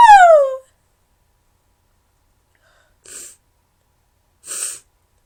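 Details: Induced sneeze, a high-pitched "choo", followed by two short nose-blowing or sniffing bursts with quiet between them.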